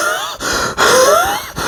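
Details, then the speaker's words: Imitated asthmatic breathing: noisy wheezing breaths illustrating the breathing difficulty and sounds of asthma patients, as part of a discussion of asthma as a cause of chronic cough. "वैसे तो आपको पता है की जो डम के marriage होते हैं उनमें सांस की बहुत दिक्कत होती है बल्कि उनके स में से आवाजें ए रही होती हैं"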